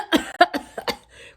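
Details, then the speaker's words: Dry cough during COVID-19: five short, dry, unproductive bursts in quick succession. It is described as a strange cough felt in the bronchi and lungs, as if something is there but does not come out. "вот тут вот как будто бы это в бронхах они в легких как будто бы кашель что-то вроде бы есть но он не выходит он какой-то странный кашель"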